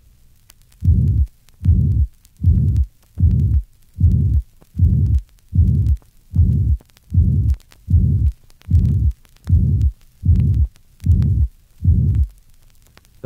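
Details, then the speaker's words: Ventricular septal defect with left-to-right shunt: pansystolic murmur best heard at the fourth left intercostal space; the second sound at the pulmonary area may be widely split from delayed pulmonary valve closure. "a pan systolic murmur is also produced by a ventricular septal defect with a left to right shunt this murmur is heard best at the fourth left Inner Space"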